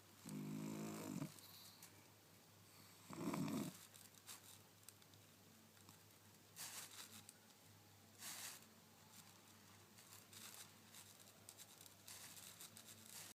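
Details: Pug snoring while asleep and twitching: two snorting snores early, then softer snuffly breaths and small noises over steady room hum.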